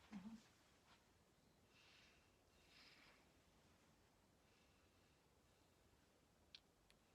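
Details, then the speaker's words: Normal breath sounds on stethoscope auscultation at the percussed spots as the patient breathes in and out: soft, even breaths with no wheezes, crackles or other adventitious sounds. "Okay, that sounds nice and good. I didn't hear any adventitious breath sounds."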